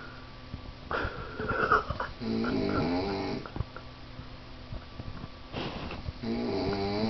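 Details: Man snoring on a couch after a night of drinking: loud, rattling, buzzing snores on each inward breath, about two clear snores in seven seconds, with room noise between.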